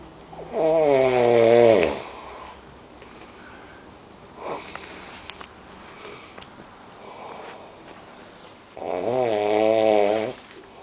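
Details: Man snoring, which the uploader attributes to smoking: two loud, rattling snores about eight seconds apart with quiet breathing between them.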